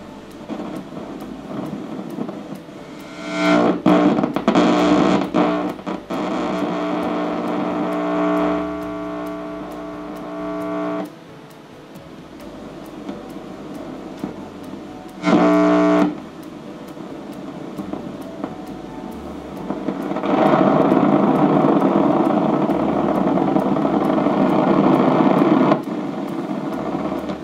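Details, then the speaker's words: Laryngeal EMG audio from a woman with spasmodic dysphonia during Botox injection of her vocal cords, with neck electrodes and the needle in the vocal cord muscle: crackling, buzzing static swelling in bursts, signalling muscle activity. "When the tip of the needle is correctly positioned within the muscle of the vocal cord, the EMG machine will emit a sound consistent with muscle activity."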